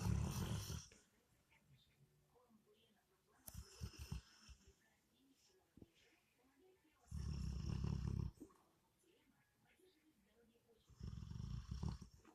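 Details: Sleeping dog snoring and twitching in its sleep: three loud, low, rattling snores about every five seconds, with quieter breathing between.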